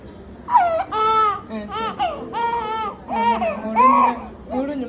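Loud, high-pitched crying in repeated wails from a one-month-old infant, the ordinary pain cry after a vaccination.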